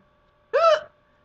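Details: A single abrupt, voiced, squeaky hiccup under half a second against a faint steady hum, recorded during a pillow fight with a brother; hiccups.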